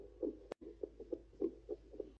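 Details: Fetal heartbeat picked up by a handheld fetal Doppler monitor: rapid, rhythmic whooshing pulses over a steady hiss.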